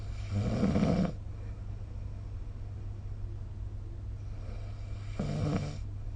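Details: Snoring recorded with the SnoreLab app: two low, rumbling snores on breaths about five seconds apart over a steady low background hum; ordinary sleep snoring.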